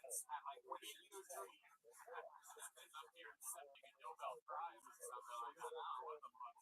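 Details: Adult man; speech.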